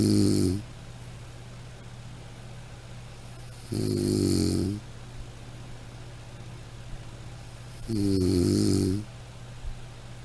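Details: Snoring: three rattling snores about every four seconds, roughly 15 breaths a minute, with a steady low hum between them.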